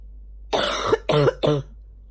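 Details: Female, morning cough: three harsh, hoarse cough bursts with a rough, barking quality; barking cough.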